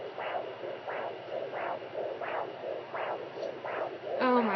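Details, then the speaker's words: Fetal heartbeat heard at home with a handheld Doppler: rhythmic whooshing pulses that sound fast, which parents note can fluctuate low and high. "gosh that's our little nuggets heartbeat oh my gosh eating fast"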